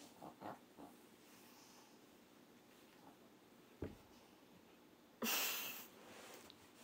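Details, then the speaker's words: A sleeping pet dog snores with soft snuffles, then gives one loud, sharp snort that startles it awake; it then starts digging. Its owner says it always snores like this and wakes at its own snoring. "聞こえてるんだびっくりしたいびきかいてますももちゃんが家に入ったこんな調子ですいつもこんな調子です"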